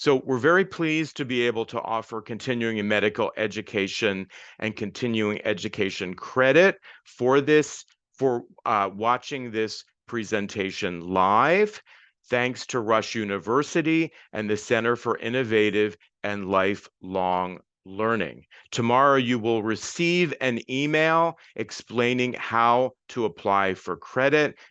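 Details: Adult male speaker; normal speech.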